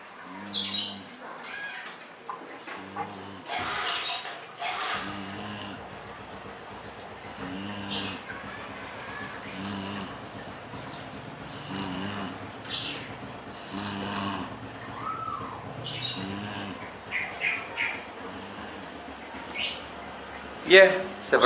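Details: Steady snoring from a sleeping adult, with rhythmic rumbling sounds recurring roughly every three seconds.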